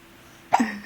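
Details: Single sudden, short hiccup in a baby with a pacifier, against quiet room noise; hiccups.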